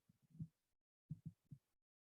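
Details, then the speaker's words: Blood pressure measurement heard through a stethoscope: soft low tapping thumps appearing as cuff pressure reaches systolic level, then fading as the sound disappears at diastolic; Korotkoff sounds, systolic onset. "hear the bump that's that's the high pressure and that's the low pressure as the sound disappears again as well"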